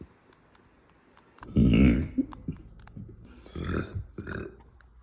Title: closed mouth burps ^_^